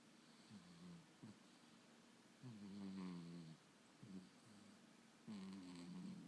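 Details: Pet snoring in sleep: soft, low, rattling snores with small snorts between them, repeating every couple of seconds; a small animal.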